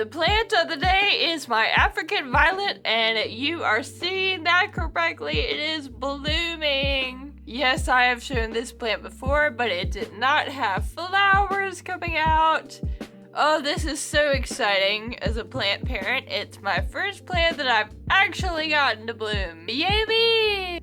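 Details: adult woman with Friedreich's ataxia, a genetic, progressive neuromuscular condition she says affects her speech, mostly uses a wheelchair; ataxic dysarthria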